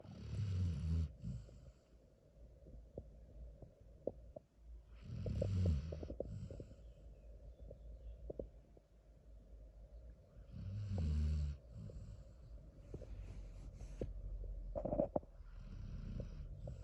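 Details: Basset Hound sleeping on a pillow: slow, low rumbling snores on each breath in, about four in seventeen seconds, with soft snorts between; ordinary snoring.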